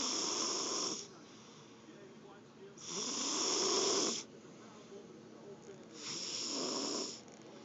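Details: Snoring: three long, loud, hissing-rasping breaths about every three seconds, with quiet gaps between.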